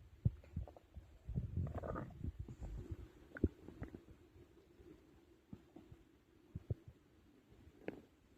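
Low rumbling gurgles with scattered pops and clicks; stomach growling after a large meal.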